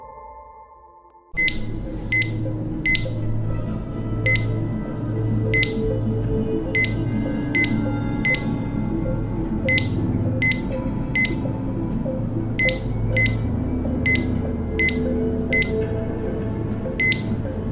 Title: Bloqueo auriculo ventricular de segundo grado movitz 2 con contracción ventricular prematura